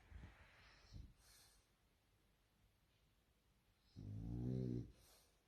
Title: french bulldog snoring snore funny